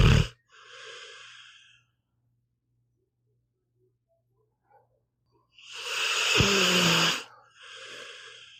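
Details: Pitbull dog asleep, audio only: slow noisy breaths with one loud snorting snore and a low rattle, in a quiet room; ordinary snoring.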